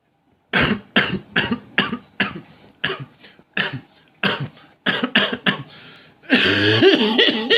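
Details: Cough.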